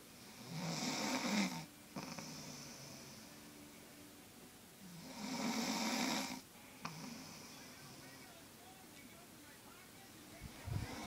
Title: Loud snoring